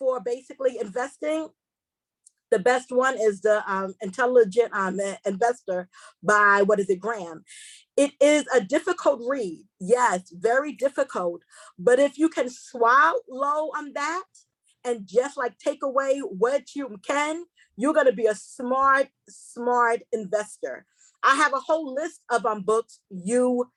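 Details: Woman who identifies herself as a stutterer, repeating a word several times while hosting a seminar; she warns listeners she will stumble across words: stuttering.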